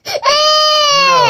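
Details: 1-year-old baby boy crying at bedtime while asking for a song. A short, loud, high-pitched sustained cry, with no sign of distress from illness. Ordinary toddler crying.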